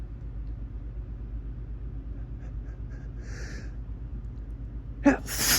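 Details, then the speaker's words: Adult sneezing when looking directly at bright morning sunlight shining through a window, described as a photic reflex, not an allergy: steady background, a faint indrawn breath, then a sudden forceful sneeze. "It's not really an allergy or anything. It's just a reflex if I look directly at the sun when it's this bright."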